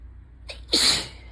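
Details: Sneezing fit during ragweed season with a suddenly very sensitive nose: a short in-breath then one sharp, hissing sneeze over steady low noise, rain possibly audible in the background.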